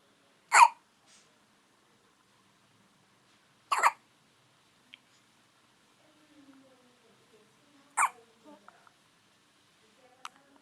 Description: El hipo de un bebe, despues de haber tomado su respectivo biberon.